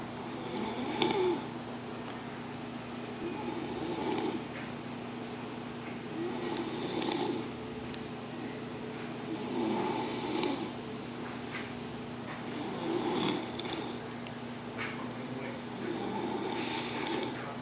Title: How 2 stop snoring